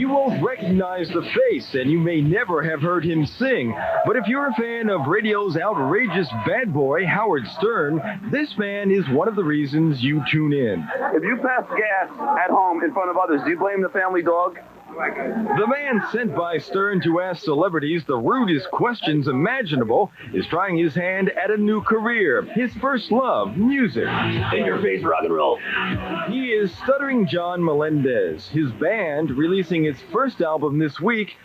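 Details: Adult male narrator; no disorder.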